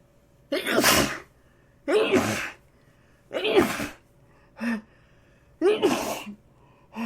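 A rapid run of about five sneezes, each a sharp noisy burst with a brief intake before it, only a second or so apart.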